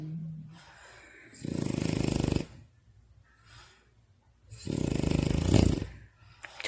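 Two long, rattling snores from a sleeping dog, with quiet breathing between them; ordinary snoring in deep sleep.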